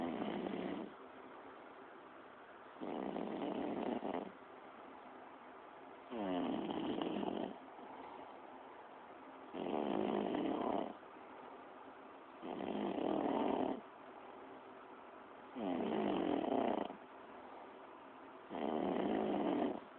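Loud, rough snores on each breath in, about 6 a minute, with quiet pauses between. Typical snoring.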